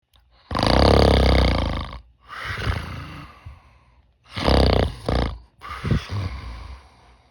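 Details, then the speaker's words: Simulated snoring by an adult while testing an anti-mouth-opening band that fully seals the mouth: four loud, rough, rattling snores with short gaps, vibrating from both mouth and nose; the band has minimal effect. "입 벌린 방지 밴드로 입을 완전히 막고 코를 꼬아 봅니다 [음악] 입과 코에서 모두 진동하며 효과는 미미합니다"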